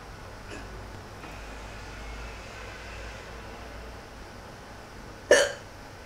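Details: One sudden, sharp hiccup after a quiet stretch of room noise, while bored; hiccups.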